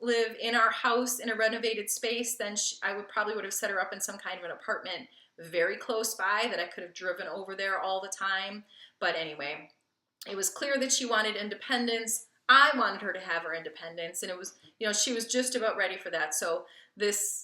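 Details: Adult woman speaking; normal fluent speech.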